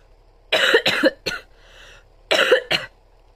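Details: Five harsh coughs from an adult woman in two quick clusters, three then two, with a short quiet gap; she says she is having trouble speaking.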